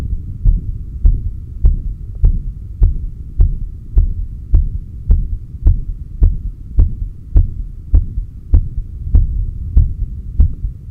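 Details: Normal heart sounds recorded by stethoscope at the cardiac apex during breathing and breathhold exercises with SpO2 display: a regular heartbeat at about 103 beats per minute, with a low steady hum behind.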